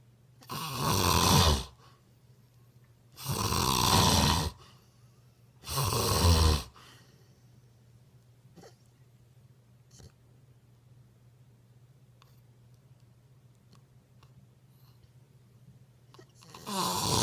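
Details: Snoring recorded July 2016: three loud, rattling snores a few seconds apart, then a long quiet stretch before another begins.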